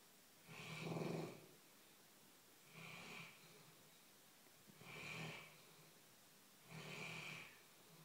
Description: My dog snores so load!!!